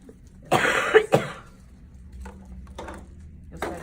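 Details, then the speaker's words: Two sharp, forceful cough bursts in a quiet room, imitating the cough a patient is told to give, after a big deep breath in, as the endotracheal tube is pulled out at extubation. "so pull it out tell our patients it's a big deep breath in and cops cops"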